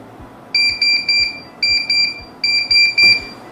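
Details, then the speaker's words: Loud, urgent bursts of three or four shrill beeps repeating in quick groups: the high-priority alarm for oxygen sensor failure on a VentiPAP, a Cuban non-invasive respiratory support device. "en el caso en que haya fallo el sensor de oxígeno se emitirá una alarma de alta prioridad"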